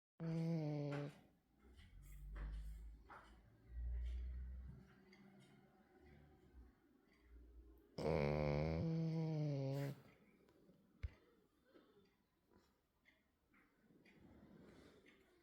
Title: Yes, I snore, but I'm still a princess #dog #frenchbulldog #doglady #dogsnoring #dogprincess